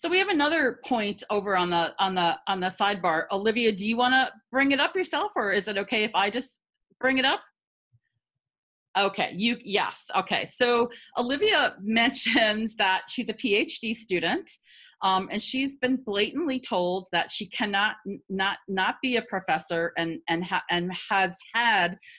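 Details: Adult woman who stutters, with repetitions audible in her spontaneous speech; stuttering.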